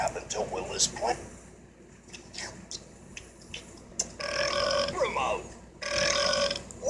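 Short noisy sounds, then two long voiced belches of over a second each in the second half, against faint background noise.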